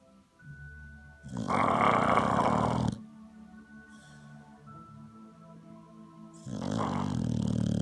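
Loud, rough snoring breaths with music playing under them throughout; snoring in a sleeping dog.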